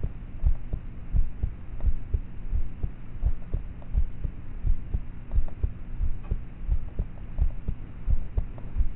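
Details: Self-recorded at night on a cheap MP3 player's built-in mic, at about age thirteen (approximate): soft, fairly regular heartbeat thumps around 86 per minute with low background hum, poor quality with loud start/stop noises; heartbeat.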